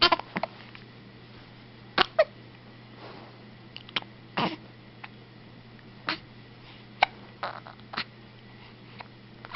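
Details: Short, sharp hiccups at irregular intervals, about a dozen over ten seconds, against steady room hum; repeated hiccups.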